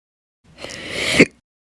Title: 6/4/22 to 6/7/22, My Slow Hiccups, Chronic Hiccups Part 4